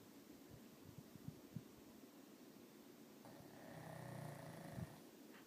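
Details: Remo snoring: soft, low rumbling breaths with a snorting, rattling snore swelling near the end, against steady background hiss.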